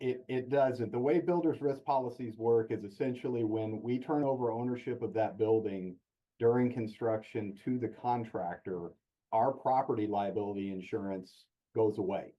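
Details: Adult man speaking; normal voice.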